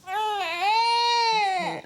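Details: A young ill girl at a GP consultation gives one sustained, clear-pitched cry under two seconds with a brief midway dip; she has a cough, and the doctor notes she sounds chesty with phlegm.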